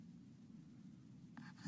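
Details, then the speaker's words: Child with sleep-disordered breathing, snoring through the mouth and not congested, gasps for air after an obstructive apnea in which the preceding breath moved no air into his lungs. "now he's gasping for air the breath they took beforehand he was actually not getting anything into his lungs"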